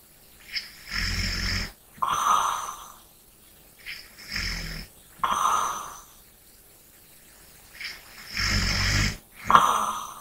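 Regular snoring, about four breaths in ten seconds, with rough inhaled snores and softer breaths out: snoring in sleep.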